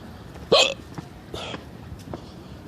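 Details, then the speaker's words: Person with ongoing hiccups; hiccups. "This still hear these hiccups though. Are you aware of the hiccup sitch?"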